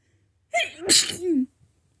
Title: Good morning, sneezes!